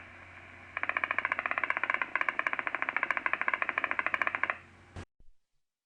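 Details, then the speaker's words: Single-fiber EMG: rapid crackling firing whose sound keeps changing, with a different sound when the second potential blocks. Mean interpotential interval 1452 µs, MCD 40 µs, MSD 41 µs: abnormally increased jitter with blocking. "this recording the change in EMG sound and the visible jitter in the second potential were very obvious this amount of variation in sound indicates abnormally increased jitter"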